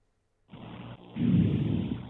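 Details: Soft, low rustling normal vesicular breath sounds through a stethoscope, with the patient taking deep breaths in and out through the mouth; a short partial breath cycle.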